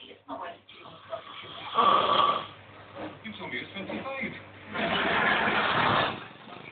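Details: Heavy snoring from a sleeping man: two loud, rough, rattling snores with quieter noisy breathing between them.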